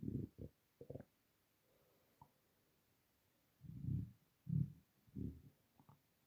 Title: Starving stomach rumbling